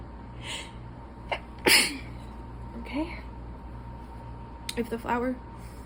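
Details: Quiet breaths and soft voice while reading aloud during an allergy attack, broken by a sharp sneeze and later stifled sneezing; sneezing from allergic rhinitis.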